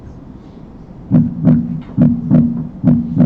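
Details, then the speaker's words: Regular paired lub-dub heart sounds at about 70 beats a minute with no extra sounds between beats, played as a cardiology lecture example of distinct S1 and S2: normal heart sounds. "So, you heard a very distinct love dub loved dub, but listen to this one."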